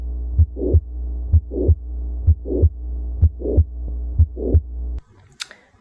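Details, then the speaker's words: Teaching example of a late systolic murmur with a mitral click: a regular heartbeat near 63 a minute with a murmur in late systole, reflecting mitral regurgitation. "late systolic murmurs are usually reflective of mitral regurgitation and are usually accompanied by a mitral"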